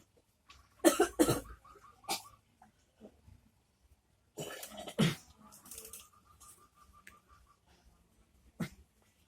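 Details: Patient coughing during a ruqyah session: several coughs in clusters, some harsh and forceful, with throat clearing between, quiet room; cough.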